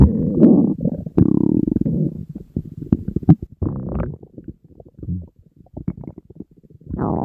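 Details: Stomach growling from hunger in a person dieting and surrounded by food, rumbling constantly all day: loud, low gurgling and growling rumbles in irregular bursts.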